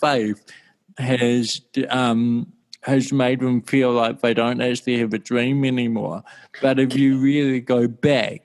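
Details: Dysarthria from congenital cerebral palsy in an adult male born in 1984, with walking also affected.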